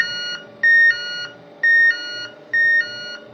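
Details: Four electronic beeps about once a second from a SeQual eQuinox portable oxygen concentrator as its voice volume is adjusted using the no smoking button; normal device feedback: oxygen concentrator beeps.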